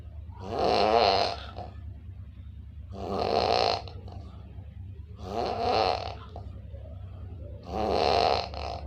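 Four loud, rough, rattling snores on inhaling, about one every two seconds, over a low hum; heavy sleep snoring.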